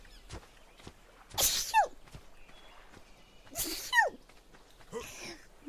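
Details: Vtuber stream clip after an itchy nose: two sharp, breathy sneezes, each ending in a high falling voiced squeak, then a softer third burst; ordinary sneezes.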